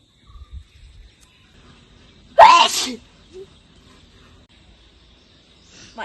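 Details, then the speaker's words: Sneezing challenge using snuff (nasal tobacco powder): one sharp, loud sneeze with a brief vocal onset, amid quiet outdoor background; only a few sneezes were produced. "അപ്പൊ നമ്മള് മൂക്കുപൊടി വെച്ചിട്ട് sneezing challenge ചെയ്തു. അധികം ഒന്നും തുമ്മാൻ പറ്റിയിട്ടില്ല."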